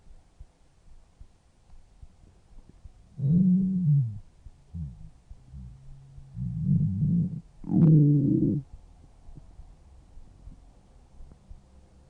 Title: stomach growling 6